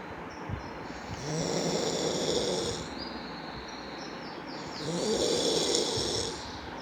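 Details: Snoring: two long rasping snores on the in-breath, a few seconds apart, with quieter breathing between; ordinary snoring.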